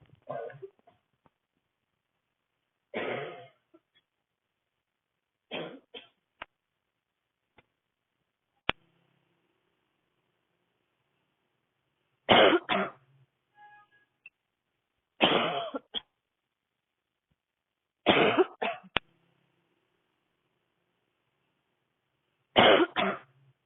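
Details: Young woman, sick, walking in the street in cold air with a tight throat and burning chest, in a public coughing fit: about seven harsh, dry barking coughing bouts, some doubled, spaced several seconds apart.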